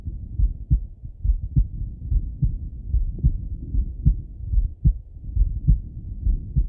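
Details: Male heart auscultated with a stethoscope, recorded either sitting at a desk or lying in bed: regular lub-dub about 72 beats a minute, no extra sounds; normal heart sounds.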